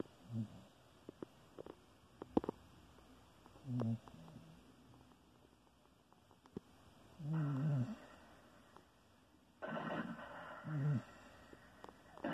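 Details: Pet's light snoring: soft low snorts recurring irregularly with quiet pauses between them.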